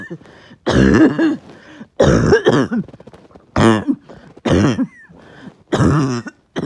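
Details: Uncontrollable, really bad barking night cough: five harsh, voiced, honking cough bursts in quick succession, with brief quiet breaths between them.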